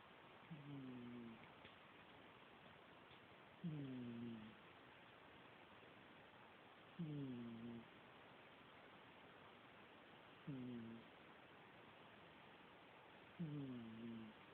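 Five short, whistling, nasal snores about 3 to 4 seconds apart, roughly 18 a minute, over steady room noise: a sleeping cat snoring.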